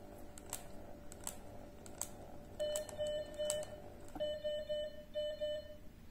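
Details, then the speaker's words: Soft clicks, then repeated bursts of short beeps: the occlusion alarm of a MedRena UniFusion VP50 Pro infusion pump after the line is pressed to simulate occlusion; the infusion stops. "the pump prompt alarm and the infusion stops press ok go back to infusion mode stage and we can restart the infusion"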